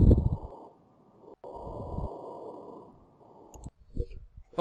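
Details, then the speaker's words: Coarse crackles heard through a stethoscope on the chest: low, bubbling, crackling pops like something roughly crumpled, from air passing through bronchioles or alveoli containing fluid, as when the lungs are filled with excess fluid. "kode sucikan seperti bergemeretak seperti ada satu yang diremas secara kasar ya Hai dan ini biasanya terjadi akibat adanya udara yang melewati bronkiolus atau akhlus yang terjadi cairan"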